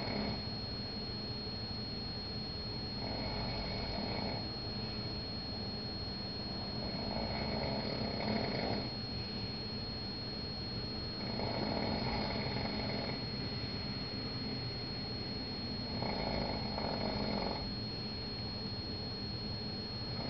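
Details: Gentle snoring during sleep in a Las Vegas room after the curtains were opened: soft, rough breaths recurring about every four to five seconds, roughly 13 a minute, over a steady hum.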